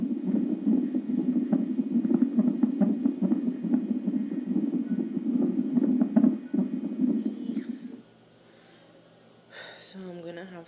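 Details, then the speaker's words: Fetal heart rate on a monitor before delivery: rapid, rhythmic, whooshing thumps at about 140 beats a minute, then quiet. "i'll insert the heartbeat so i can hear it at some point in this video"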